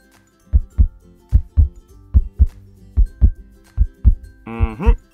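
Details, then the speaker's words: Regular paired low thumps, about 73 a minute, then a brief musical tone: a sound-effect heartbeat in a children's cartoon's pretend exam after a fall, where the heartbeat is called normal. "now I'm going to start by checking the sound of your heart"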